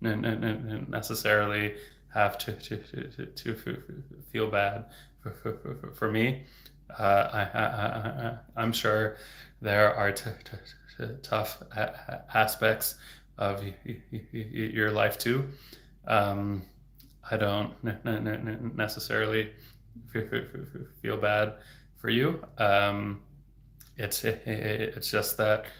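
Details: Stuttering in an adult man speaking in a livestream; he reports getting stuck on words.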